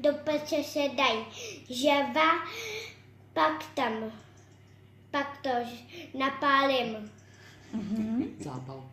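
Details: Language errors in a 5.5-year-old Czech-speaking girl born with severe hearing loss, using hearing aids since age 2: lexical-semantic and morphosyntactic errors, including wrong verb and noun endings and gender agreement errors.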